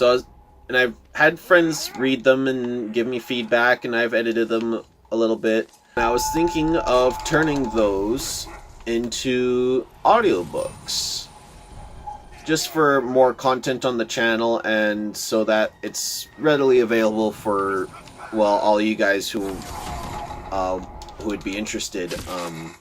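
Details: Stuttering in a male speaker who says he stutters a lot; word repetitions are heard in this stretch.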